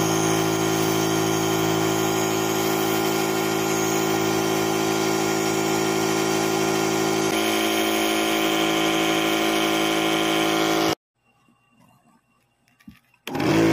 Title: #furmomlife #nebulizer time for my furbabies🐕 #proudfurmom #pugs 💥Bebz D'great remix Vlogs 💥